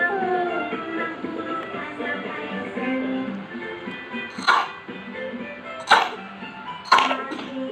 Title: lg batuk semoga cepet sembuh sehat lgi aamiin